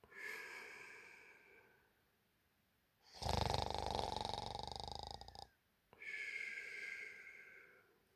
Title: Real Snoring Sounds at Night | Loud Sleep Snore Audio